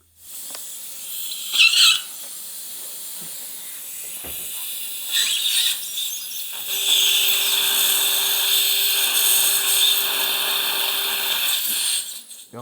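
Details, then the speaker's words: 62-year-old man, guided implant placement in the lower left (#36, #37): high-pitched whine of a 5.0 tapered surgical drill cutting hard bone, with bursts of water spray and suction hiss, before a 4.5 × 10 mm implant. "the bone was quite hard so 5.0 tapered drill was used approximately 50 percent"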